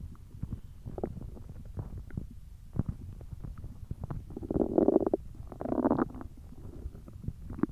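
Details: Hungry stomach producing low gurgling and rumbling with bubbling surges; borborygmi, ordinary hunger growling.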